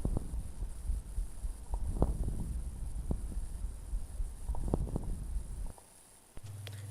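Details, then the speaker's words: Low, rough grating sounds with scattered sharp creaks over the chest: pleural friction rub, produced by rubbing of inflamed pleural layers. "los brotes pleurales se generan por el roce de las capas pleurales inflamados"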